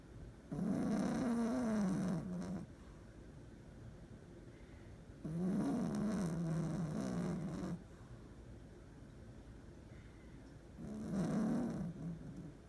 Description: Cute little Buttercup snoring